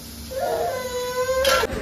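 A short, high-pitched, sustained infant wail ending in a gasping break: crying after a vaccine injection.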